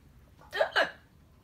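Two quick, sharp voiced 'hic' sounds in a quiet room, typical of hiccups.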